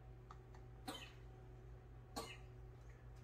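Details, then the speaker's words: Cough from a person in a home kitchen, remarked on as quite the cough. "going on drew what's going on buddy that sounds like quite the cough you okay"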